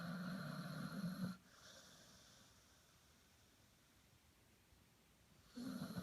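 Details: Chinese Shar-Pei dog snoring: loud, rough rattling snore, then a long quiet pause before the next.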